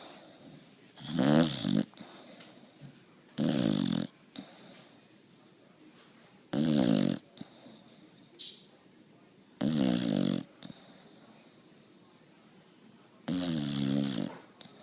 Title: Boxer Puppy SNORING